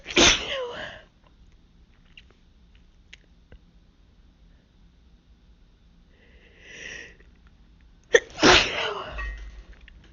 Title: Pollen Allergy Sneezing Fit